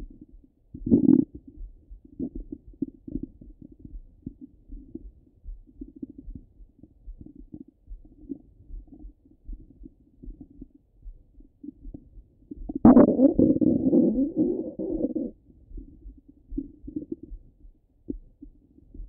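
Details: Normal bowel sounds from active gut movement: irregular soft gurgles and bubbling with one longer rumbling gurgle.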